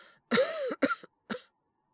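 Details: Acted (voice actor, all performance) male character with a cold: three harsh, voiced cough bursts in quick succession imitating a bad cough.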